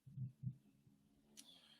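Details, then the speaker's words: Loud snoring from a pet, likened to a lawnmower, heard during a live stream: low, rumbling bursts over faint room hum, followed by a brief hiss. "all right uh apologies if you can hear daisy do snoring she sounds like a freaking lawnmower today"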